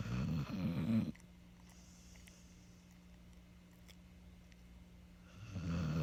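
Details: Sleeping dog snoring: low rattling snores on breathing in, with quiet pauses between breaths; ordinary snoring.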